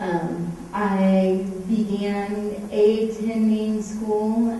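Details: Adult woman with cerebral palsy, a medical marijuana patient, whose cerebral palsy shows most visibly as a stutter; stuttering with cerebral palsy.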